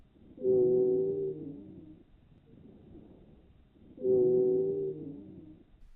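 Two long, musical, whistling sounds, each trailing off over about a second and a half, separated by quieter breath noise: wheezes.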